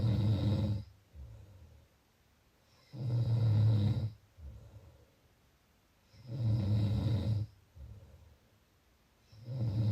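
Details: Snoring; loud, low rattling snores on each breath in, with quiet breaths out between, roughly 18 breaths a minute.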